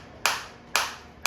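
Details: A focused (not radial) shockwave therapy applicator firing in automatic mode at a rehabilitation physiotherapy demonstration: sharp snapping clicks about twice a second, each with a brief hiss.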